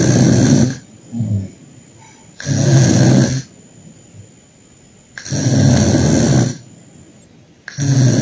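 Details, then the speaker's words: Loud, harsh snoring with each breath at about 23 a minute in an unconscious adult male on 2 L/min oxygen by nasal prongs with 98% saturation; snoring indicating partial upper airway obstruction. "Yes, the snoring suggests he has partial airway obstruction. The normal saturation does not exclude obstruction particularly in a patient receiving oxygen."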